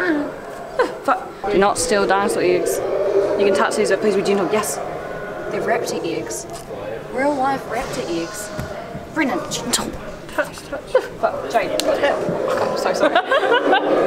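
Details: Male with Tourette syndrome in a public setting, with a phrase repeated many times in a row and swearing; Tourette syndrome vocal tics.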